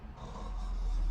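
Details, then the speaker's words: Adult man asked to imitate snoring during flexible nasal endoscopy via right nostril (nasal septal deviation noted); demonstrates snoring mechanism, tongue base not obstructing, lower airway open: simulated snoring. "horlamanın mekanizmasını gösteriyorum size ama sadece küçük dili kısaltmak olmuyor işte dil köküne doğru ve fingel bölgeyi de mutlaka temizlemek gerekiyor"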